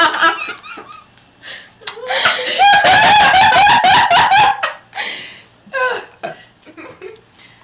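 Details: Girl after drinking cola: a long, loud, rumbling belch of about two seconds, with short vocal sounds and laughter around it; burping.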